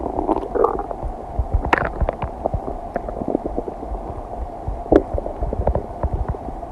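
Frequent gurgles, pops and low rumbles from the belly; ordinary digestive bowel sounds.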